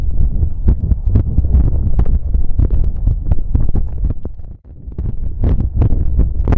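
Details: Visible apical heartbeat with pressing after exercise outdoors: fast, forceful thumping at roughly 130 a minute with wind noise; rapid heartbeat after exercise.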